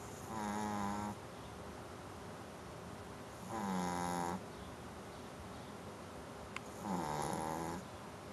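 Soft, steady, buzzing snores on three breaths in eight seconds, about eighteen a minute, over a quiet room hiss.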